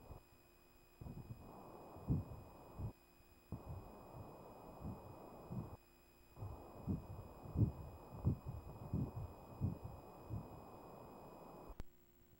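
Rhythmic whooshing pulses over a low hiss with brief gaps, an early pregnancy fetal heartbeat picked up on ultrasound at six weeks.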